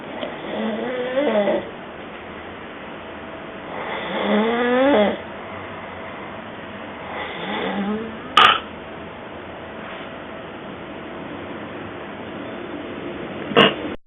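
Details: Person snoring while asleep: three loud, rough snores with a rising pitched tone, then quiet room noise and two sharp clicks.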